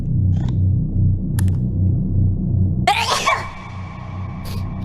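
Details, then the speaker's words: Simulated sneeze from a fan animation: a single loud, explosive acted sneeze by a cartoon character, breaking through steady background music. "I don't know, but I really got to sneeze."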